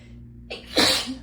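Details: Sneezing set off by feeling chilled (temperature, not illness): a brief indrawn breath, then one loud, hissing sneeze. These intense sneezes are said to hurt the throat.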